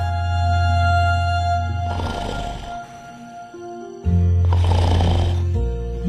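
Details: Acted snoring of a sleeping husband in a TV drama scene, not a real recording.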